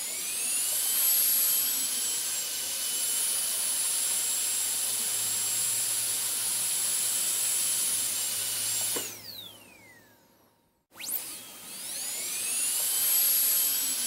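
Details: High-pitched whining drill runs steadily, winds down to silence, then spins back up, from an ASMR sleep-sound recording; dental drill switched off and on.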